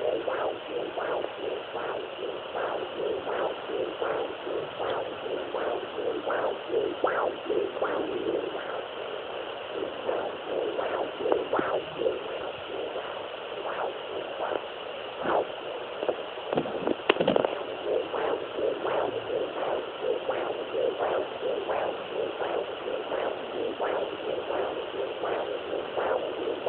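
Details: Fetal heartbeat on Doppler: rhythmic whooshing pulses over a steady Doppler hiss.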